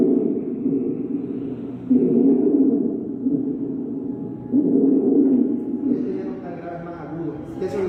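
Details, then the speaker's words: Simulated stridor during lung auscultation teaching: loud, tonal, moaning breath sounds of fairly low pitch rising and falling with breathing; described as the lowest-pitched example, most stridor being high-pitched like a little scream. "Este es el más grave que pidé. De hecho, los la mayoría de los exteriores son bien agudos. Son como un gritito."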